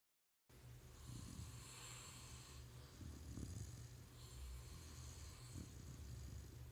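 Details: Pit bull puppy snoring in sleep: soft, low, snuffling breath sounds with a faint rattle, continuous; snoring.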